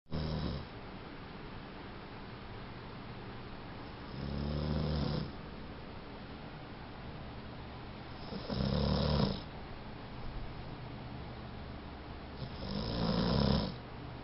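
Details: Snoring in a sleeping pit bull; deep rumbling snores about every four seconds, roughly 14 breaths a minute, over steady room noise.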